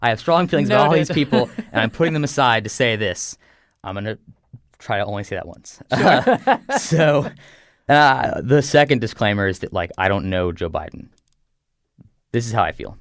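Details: Adult who has stuttered since birth; stuttering.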